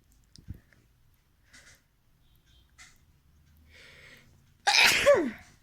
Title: SNEEZING CHALLENGE 🤧 AND NOSE BLOWING PART = 2 REQUEST VIDEO 🤧🤧